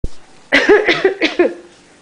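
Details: Dog named Tristan coughing: four rapid, harsh, slightly honking cough bursts in a row after a brief click.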